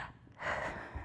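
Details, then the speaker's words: An adult speech-language pathologist imitates the quick, sharp, shallow upper-chest gasping inhalation children tend to take when asked to breathe, contrasted with ideal diaphragmatic breathing: gasping upper-chest inhalation. "okay so kids are going to have a tendency to want to go"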